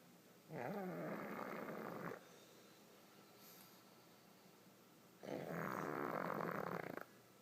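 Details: Pug snoring while asleep with her eyes open: two long, loud rattling snores with a quiet pause between them, the noisy sleep breathing of a flat-faced dog.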